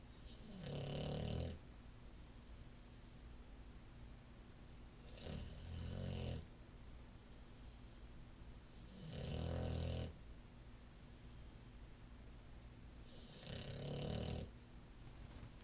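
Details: Male Olde English Bulldogge asleep on his favorite couch, recorded on an iPhone: four loud, rough snores at about 15 a minute, each with a low rattle on the in-breath, over room hum; dog snoring.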